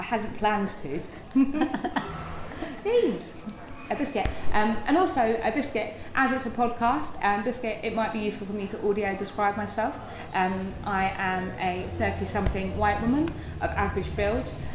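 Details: Adult woman with Tourette syndrome, a neurological condition causing uncontrollable movements and noises; regular vocal tics ('biscuit', 'hedgehog', 'cats', 'sausage dog') with rhythmic chest-banging tic, wears padded gloves; vocal tics (Tourette syndrome).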